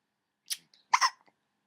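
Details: Baby: two brief, sharp, catching sounds half a second apart in a quiet room; hiccups.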